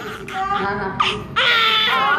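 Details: Newborn crying just after birth (22.12.2014): high-pitched, strong crying bursts with family voices; normal vigorous newborn cry.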